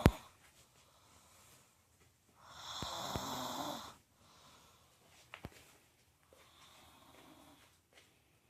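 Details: Snoring: one loud rough snore lasting over a second, then quieter breaths and a few clicks in a small quiet room.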